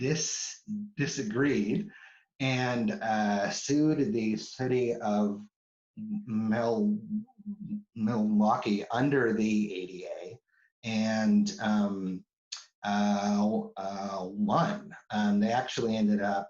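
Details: Adult woman who stutters, with repetitions of words and parts of words; stuttering.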